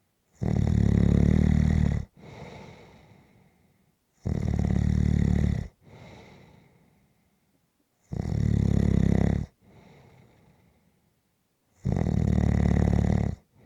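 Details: Snoring during a nap: loud rattling snores on each breath in, each followed by a softer breath out, about 16 breaths a minute.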